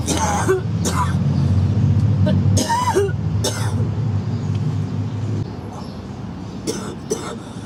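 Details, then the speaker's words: About six short, partly voiced coughs from a girl in separate bursts over a steady low engine rumble that fades midway; she says her lungs sound horrible: cough. "Oh, my lungs sound horrible."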